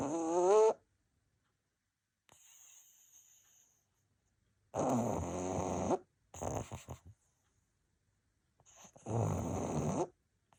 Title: Fur baby snoring away 🐶 💤 #pug #pugsnores #puglife #petlover #cutedog